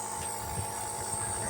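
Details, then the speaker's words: A newly delivered nebulizer compressor being switched on and tested for a woman with asthma, running with a steady mechanical hum and buzz while it produces mist. "Meron na silang nebolizer ngayon. At ah te-testingin natin base doon sa pina-deliver ng Lazada request. Ayun umuusok na siya."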